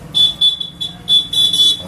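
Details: Fingertip pulse oximeter starting a reading: repeated short high electronic beeps; oxygen saturation 98, normal.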